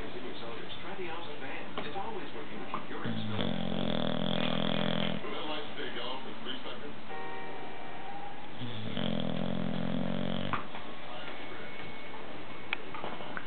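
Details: Newly acquired bulldog sleeping: two long, deep, rumbling snores about six seconds apart, over steady background noise and faint talk; snoring.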